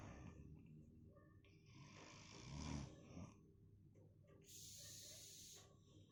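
Faint, low, rumbling breaths with hissing exhales in a quiet room, fitting soft snoring.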